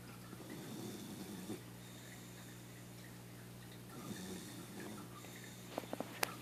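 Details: Soft snorting snores from a sleeping 6-month-old pit bull mix dog over a steady room hum, with a few sharp clicks near the end; snoring.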